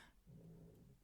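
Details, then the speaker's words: A napping female dog makes a single low, rumbling, drawn-out breath noise, with quiet room sound around it: snoring. "Wait, pause. I'm sorry. I know I'm mid-rant, but my dog is snoring."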